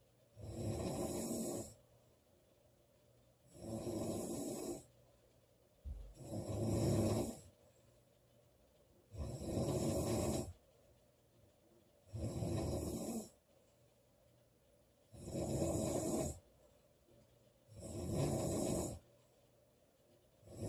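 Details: Loud snoring from a sleeping girl: seven loud, rattling snores at a steady pace, about 21 a minute, with quiet gaps between.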